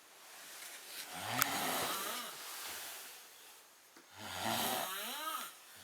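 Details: Adult man snoring in a hotel room at night, described as terrible and loud: two long, rough, rattling breaths during sleep with a warbling, pitch-shifting quality.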